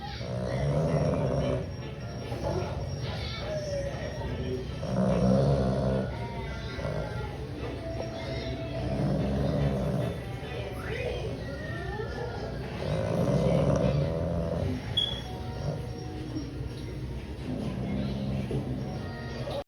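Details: Sleeping English bulldog snoring: rhythmic low, rattling snores, about 15 breaths a minute, over faint background sound.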